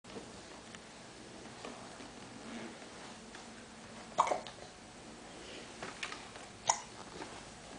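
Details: Child with hiccups while playing and turning pages: two short, sharp gulping catches a couple of seconds apart over a quiet room hiss; hiccups.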